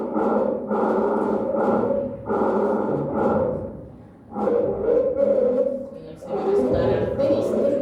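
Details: Croup in a child: harsh, high-pitched musical inspiratory stridor with each labored breath, the laryngeal stridor of croup.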